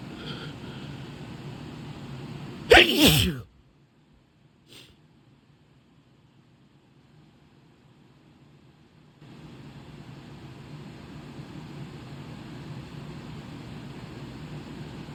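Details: A quick spraying sneeze onto a mirror: one sudden, forceful burst followed by near silence and low room hum; a single sneeze.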